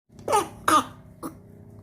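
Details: Sick baby monkey that coughs a lot: three short, rough coughs over a low background hum.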